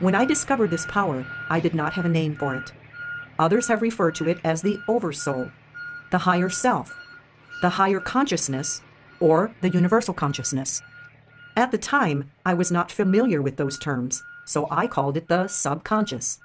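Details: Adult speaker; normal voice.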